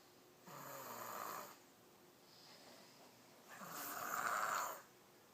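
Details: Two breathy, soft snoring breaths, about a second each, with a quiet gap between them.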